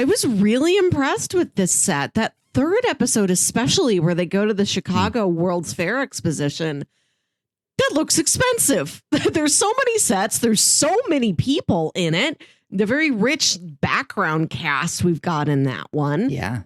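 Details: Adult speaker; normal speech.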